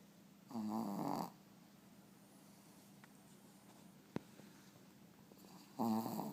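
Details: Dog sleeping and snoring: two rough, buzzing snores about five seconds apart in a quiet room.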